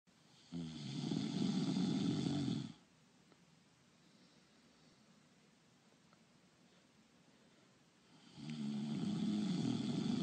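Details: Simulated snoring: a voice-over imitation producing two long, loud, rattling snores with a quiet pause between them.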